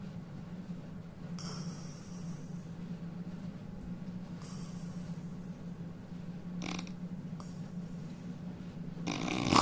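Steady low rumbling snore through most of the clip, with a few louder snorts over room noise; loud snoring.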